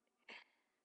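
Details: Person with flu filmed on webcam: cough.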